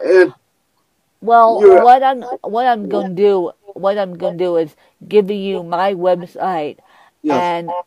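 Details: Mild dysarthria in a woman with cerebral palsy who uses a walker; she says her speech impediment is milder than her interviewer's.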